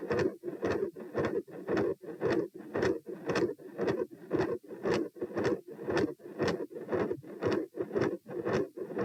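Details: Heart murmur recorded at position P with the patient standing: a loud, rough whooshing murmur swells with each beat at about 115 a minute, barely pausing between beats. Large continuous murmur around S2, possible patent ductus arteriosus.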